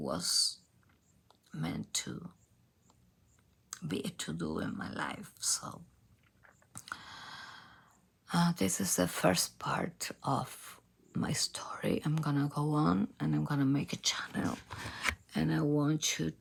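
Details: Adult female professional singer with abductor spasmodic dysphonia, a rare type in which spasms of the vocal cord muscles open the cords; diagnosed by nasal endoscopy; onset 2015; treated with Botox injections.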